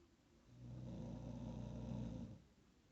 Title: Taz snoring